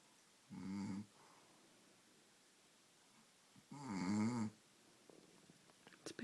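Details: Person snoring so loudly the listener can't sleep, ongoing for about an hour: two loud, buzzing snores a few seconds apart, the second longer, with quiet breathing between and faint rustling.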